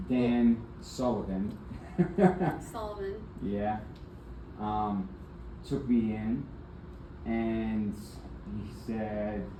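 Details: Aphasia with apraxia of speech in an adult man after a stroke in February 2024, followed by several further strokes; the stroke left him nonverbal at first with right arm and leg impairment, and he is still in speech therapy.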